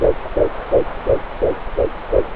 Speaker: wow the fetal heartbeat at only 10 weeks notice how fast the heart rate is at this stage